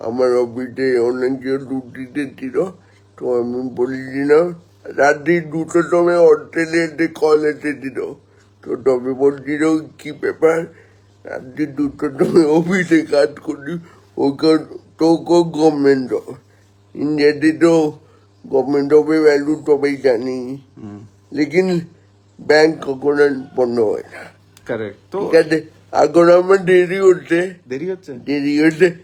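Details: Adult man born 1988 speaking Bengali, with spastic cerebral palsy from oxygen lack at birth, about 70% motor nerve damage affecting both hands and legs; dysarthria (cerebral palsy).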